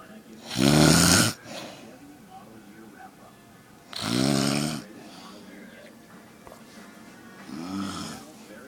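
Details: Loud, rough, rattling snores on inhalation from a sleeping mother, three heard with quiet gaps, roughly 17 a minute: snoring during sleep.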